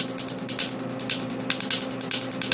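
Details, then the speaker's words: Laser tattoo removal on a patient's left arm sleeve, no numbing anesthetic, firing at 10 pulses per second: rapid regular snapping pulses over a steady machine hum, overlapping spots as ink absorbs the laser energy. "10 pulses per second there we go so you see how quickly he goes ten ulcers per second it's a very efficient process"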